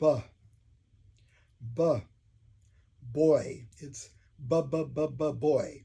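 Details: Adult man who stutters demonstrating the Iowa bounce form of voluntary stuttering; voluntary stuttering (bounce).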